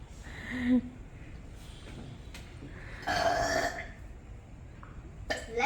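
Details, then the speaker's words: A few loud, drawn-out burps from kids in a burp competition, with talking in the room; burping. "You guys doing burp competition? Yes."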